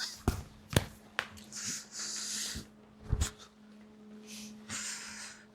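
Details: Snoring during a staged scene.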